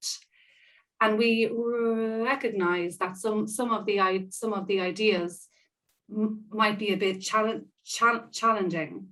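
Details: Stammering (stuttering) in an adult woman who describes herself as a person who stammers, with audible part-word and whole-word repetitions during real spontaneous speech.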